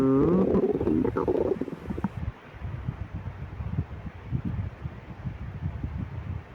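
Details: Hungry stomach after a 12-hour fast, before and after drinking milk, in a person with severe lactose intolerance: loud groaning gurgle fading into soft rumbling and bubbling; stomach growling (borborygmi).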